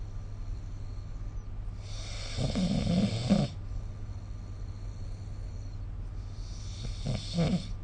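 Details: Snoring recorded with the SnoreLab phone app: soft, low rumbling snores on two breaths over a steady background hum; ordinary sleep snoring.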